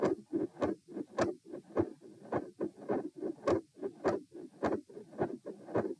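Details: Heart auscultation during a stress test at position M, with sitting, standing and lying phases at 90, 108 and 72 bpm; split S2 with a midsystolic murmur and electrical disturbance.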